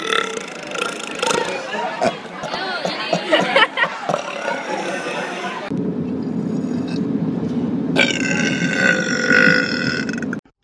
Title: Vine Burps 28